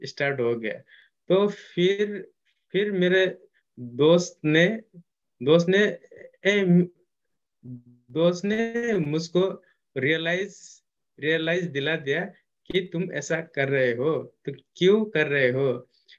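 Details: Client who stammers, speaking Hindi, with audible word repetitions; stuttering.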